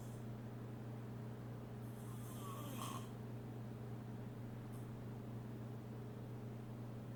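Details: A single rough, rattling snore over a steady low room hum; loud snoring.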